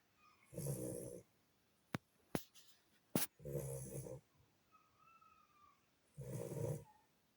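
Soft rattling snores come in three bursts, with a few sharp clicks and faint room noise between them: snoring in a sleeping puppy.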